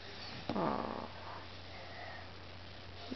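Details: A 3-month-old female Mastiff puppy asleep gives a single rough, rattling snore, then quiet breathing over a steady low room hum; already snores loudly at this age.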